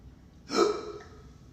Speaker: Dude, I had the hiccups. I'm just using this hiccup straw real quick.